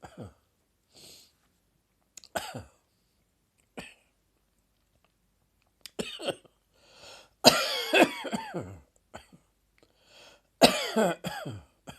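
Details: Sudden coughing fit triggered by a throat tickle in an adult: an irregular run of about a dozen coughs, starting small and building into harsh, clustered bursts.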